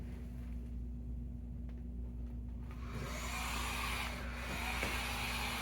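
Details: Steady low hum giving way to a rush of blowing air as flow starts through a BiPAP mask on a Hamilton T1 ventilator, applied in an EMS rescue setting.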